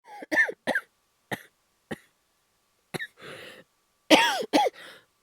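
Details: Acted cough (all performed) by a male VTuber voice actor in a cough-voice ASMR compilation: a series of short, sharp voiced coughs with brief throat clearing and gaps between them.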